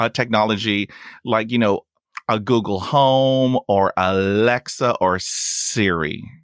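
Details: Adult male with lifelong persistent stuttering, including blocks and long pauses, who uses helper words; stuttering.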